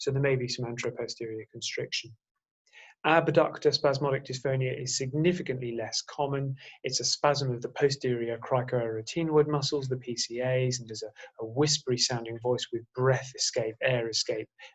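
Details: Adult male lecturer; normal voice.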